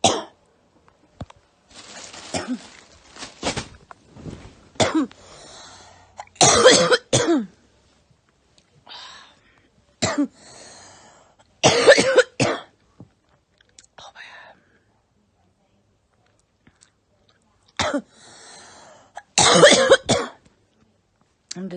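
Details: Girl coughing: repeated harsh coughing in short bursts and clusters, with a few throat-clearing sounds and quiet gaps between them.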